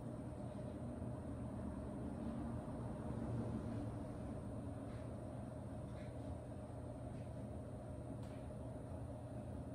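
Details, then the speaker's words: Percussion massage device with a round foam head held perpendicular on a client's calf, pausing 30 seconds on a tight spot: continuous low rumbling motor hum with faint rapid pulsing. "d pause for 30 seconds to allow the percussion technique to seep in and loosen up any tight areas"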